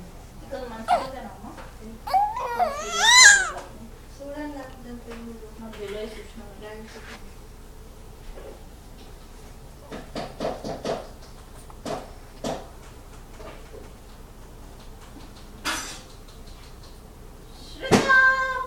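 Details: Short rising infant whine and cry with babbling, then quiet with scattered brief sounds, recorded during an episode of hiccups; ordinary infant cry.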